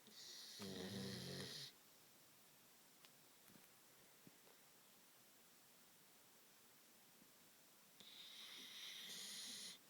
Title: Snoring malinois